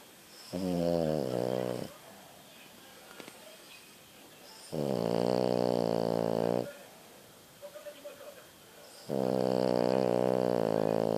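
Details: French bulldog snoring: three long, loud, rattling snores separated by quiet pauses, noisy flat-faced dog sleep breathing.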